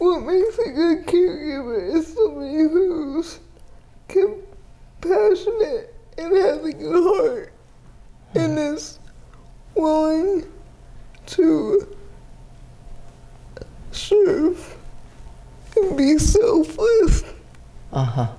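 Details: 30-year-old woman with GMFCS Level 4 cerebral palsy, quadriplegia with an athetoid component, affecting the speech muscles so her speech may be unclear; dysarthria (cerebral palsy).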